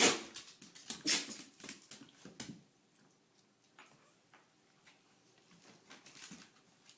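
A small dog gives a few sharp, hissing sneeze bursts in the first seconds, then faint movement in a quiet room.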